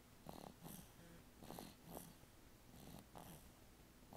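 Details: Snoring while asleep: soft, repeated snuffling snores with each breath, about 24 breaths a minute, faint against room noise; sounds like a sleeping dog.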